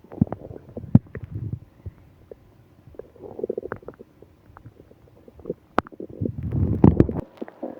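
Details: Stomach growling with moaning from a person having a stomach ache on a business trip; bowel sounds (borborygmi).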